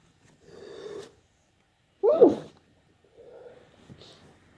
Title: more wet sneezes